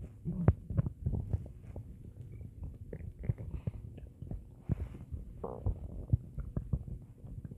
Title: Stomach Growls at the darn video @JewlyanaHoltFunDay